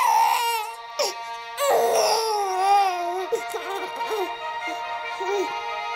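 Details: 4-month-old baby boy crying in loud, rising and falling wails; Star Wars theme playing over it calms him. Cries for no clear reason, with diaper clean and stomach full.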